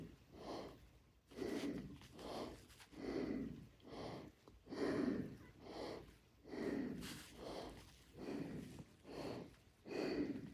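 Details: Adult with cancer affecting the lungs, catching their breath after a garden walk: rapid, heavy, noisy breathing at roughly 35 breaths a minute with a faint whistling edge on some breaths, laboured breathing with wheeze.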